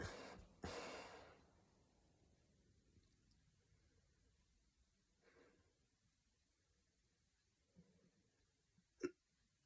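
A loud burst at the start, then a few sharp, abrupt catches separated by quiet pauses, consistent with strong hiccups.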